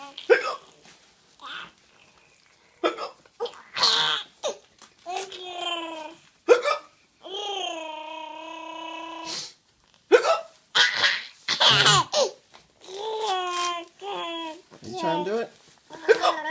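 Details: Baby boy with short, sharp vocal catches of hiccups, with bursts of giggling and babbling in between as he laughs at hiccups; hiccups.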